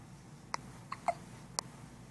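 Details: Hiccups on the morning of going home: four quick, sharp hiccup sounds about half a second apart in a quiet room.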